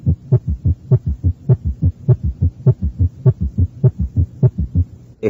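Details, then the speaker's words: Summation gallop at the cardiac apex (review example 8, teaching recording): fast regular heartbeat around 100/min where the summation sound is added after S1 and S2, producing a low gallop rhythm. "se encuentra un ruido de suma o galope de suma para esto se requiere una frecuencia cardíaca rápida añadir el ruido de zuma después de que escuche usted el primero y segundo ruidos cardíacos"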